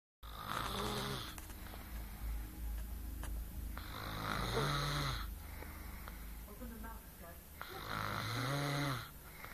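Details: Girlfriend, who claims she doesn't snore, snoring: repeated rough snores on the in-breath, three over about nine seconds, with soft exhalations between them.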